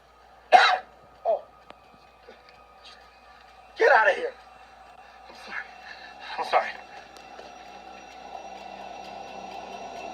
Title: Rise of the Planet of the Apes: Sneezes on Hunsiker